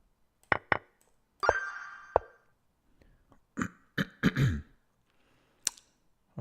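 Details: Repeated short coughs in clusters with throat-clearing and faint background music, from a three- or four-times-vaccinated adult about 11 days into Covid, streaming chess; coughing.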